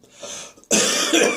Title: Still Coughing Up Catarrh in the Morning.